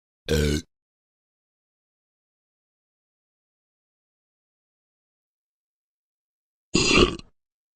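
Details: Burping sound effect: two short, throaty burps separated by silence.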